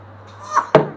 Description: 2 months 9 days old is having a bad cough. Great-Grandmother is feeding her and she coughed during this milk drinking session.